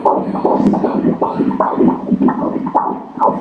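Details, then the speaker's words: Fetal heartbeat on Doppler during ultrasound of a 13-week pregnancy: rapid, regular whooshing pulses at 157 beats per minute, a normal rate. "mẹ đang xúc động rơi nước mắt đây, huh khi con nghe thấy tiếng tim 157 đó"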